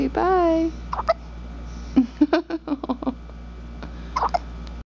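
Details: Hiccups from a two-week-old baby girl.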